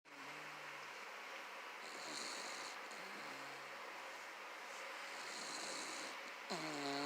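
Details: Snoring of Tiny, aged about 16 years: repeated breathy, rasping sleep breaths with a nasal rattle against steady room noise.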